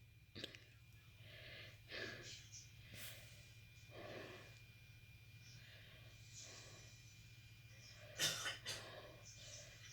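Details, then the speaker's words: Faint, distant bursts of background coughing from a brother in a quiet room, with a sharper pair of coughs near the end. "that sounds like my brother coughing. He's alright."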